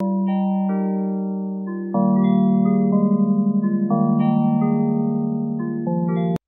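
Gentle chime-like tones drifting in a loose, non-repeating melody: a hearing aid fractal tone played for tinnitus relief.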